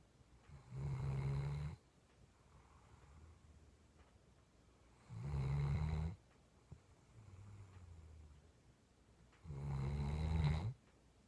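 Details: Dog asleep after a long day, snoring: low, rough snores on each breath in, about 13 breaths a minute, with quieter breaths out between them.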